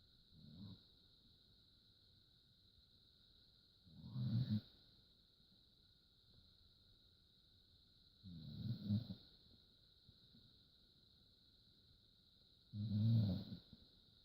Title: Sprocket snoring